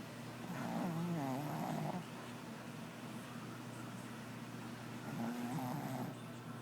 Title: Jackson the snoring Shih Tzu